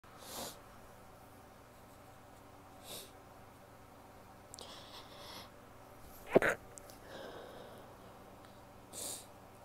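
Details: Rapid run of soft, muffled, held-back sneezes from a female in a quiet room, one slightly louder: stifled sneezes.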